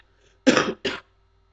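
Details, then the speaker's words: Cough during a guitar lesson. "good sorry for the cough"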